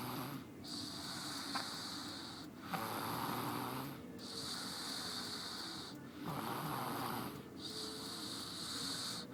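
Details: Snoring: rhythmic rasping breaths, about 18 a minute, in and out with a hissing edge.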